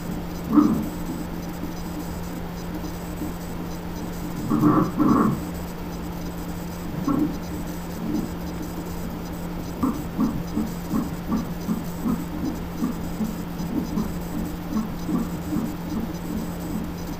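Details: Fetal heartbeat on a fetal heart monitor Doppler, rapid and regular at about 135 a minute, mixed with thumps from the baby girl's kicks and movements and a steady hum.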